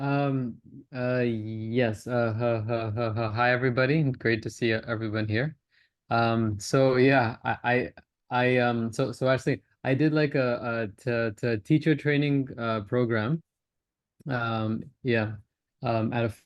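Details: Stuttering (stammering) in a male participant in a stammering-association online practice group who says he openly discloses his stammer and uses voluntary stammering.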